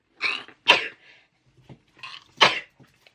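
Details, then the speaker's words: Quick run of sharp, explosive sneezes with short breaths between, in a sneezing fit of about 15 sneezes with watering eyes and a running nose. "I've sneezed 15 times. Oh my god, I can't stop. And my eyes are really watering now. My nose is running."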